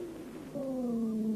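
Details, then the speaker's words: Dry wheezes (dry rales) heard on lung auscultation in a patient during a bronchial asthma attack: musical, whistling tones that slide slowly downward in pitch. "сейчас вы слышите сухие хрипы у больного во время приступа бронхиальной астмы"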